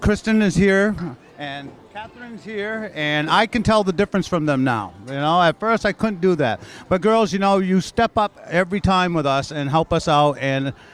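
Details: Adult speaker; normal speech.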